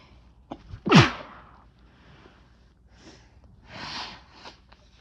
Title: Chhinkni Sneezes 6 (nb)